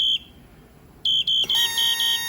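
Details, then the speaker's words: Parapac Plus 310 ventilator high-pressure alarm during setup pressure check with circuit occluded (high relief pressure not to exceed 40), no patient attached: loud high-pitched electronic beeping in repeated bursts. "you're now going to pressure check the machine by occluding the system please check to make sure that your high relief pressure doesn't go above 40."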